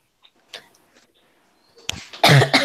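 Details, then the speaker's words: Faint throat sounds, then a loud, harsh, dry barking cough like a seal in a small room; the speaker says a medical condition makes their cough sound this way and that it is worse now. "It sounds like a freaking barking seal dying. Because I actually have a medical condition that it just makes it sound like that. It's a very dry and loud cough."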